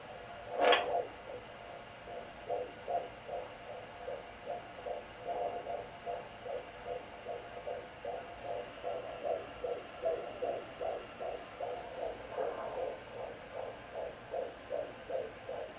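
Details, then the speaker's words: Pregnant woman using a pink Sonoline B pocket fetal Doppler on her left side, where the baby usually lies and is kicking: rapid regular galloping whooshes, about 140 a minute, over hum, distinct from her slower maternal heartbeat; fetal heartbeat. "and what you're looking for is like a galloping sound that's my heartbeat right there it's slower there you go"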